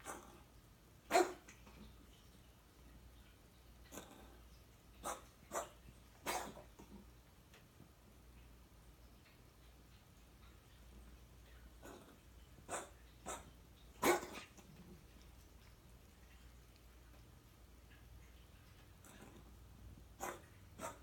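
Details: Undiagnosed chronic cough in a cat, ongoing six months, with blood tests, X-ray and ultrasound all clear and no improvement on dewormers, antibiotics or prednisolone: about ten short, sharp coughs in irregular clusters; episodes last 1-4 minutes, up to five times daily.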